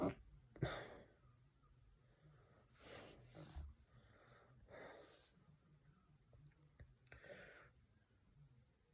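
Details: Induced hiccups: several short, abrupt breathy hiccup sounds at irregular intervals in a quiet room.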